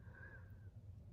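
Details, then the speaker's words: A pet snoring while the owner talks: a faint, thin, whistle-like tone over a low room rumble. "it sounds like a little whistle some people might think I'm passing [Music] gas I'm not I'm not blowing kisses in the Wind from my rear end it's Misha snoring sorry guys I couldn't help it Misha snores she snores loud"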